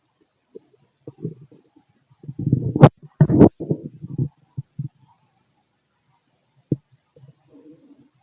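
Irregular gurgles and rumbles from the abdomen, a burst of louder gurgling in the middle; ordinary digestive bowel sounds.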